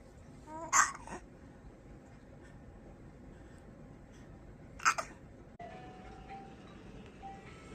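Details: Baby hiccuping: two brief, sharp catch sounds about four seconds apart over quiet room noise; infant hiccups.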